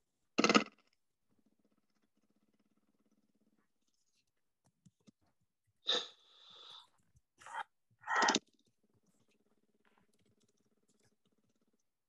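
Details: Exhalation through an oscillating PEP device, demonstrated by respiratory therapists as airway clearance therapy in cystic fibrosis.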